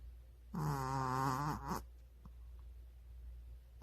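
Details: A sleeping dog snoring: one long, low, buzzing snore with a faint background hum. The owner jokes the dog is very tired.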